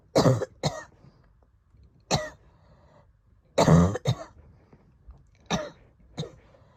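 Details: Asthma attack cough after COVID infection, recorded from a real person; asthmatic cough.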